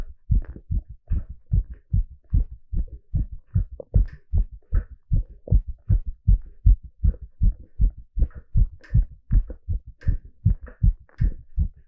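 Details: Live heartbeat sound during an ECG exercise stress test: strong, regular heartbeat thumps at roughly 150 per minute, a fast but steady rate under exercise.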